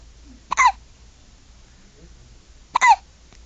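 Two sharp, brief voiced gulps about two seconds apart in a quiet room, typical hiccups.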